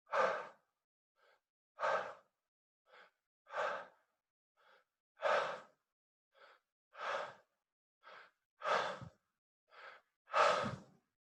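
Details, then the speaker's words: Connected breathing exercise for stuttering, abdomen rising first then chest: deep audible full inhales and relaxed exhales with no gaps, about 35 breath sounds a minute. "you may hear me it doesn't matter but you're looking for a relaxed exhale on a connected breath with no gaps"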